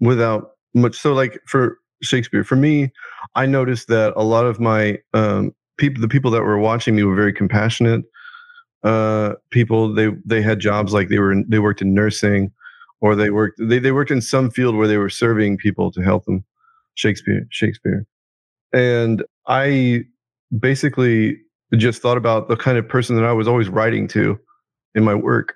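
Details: Man with Tourette syndrome whose involuntary vocal tic is repeatedly saying a word during conversation; vocal tics (Tourette syndrome).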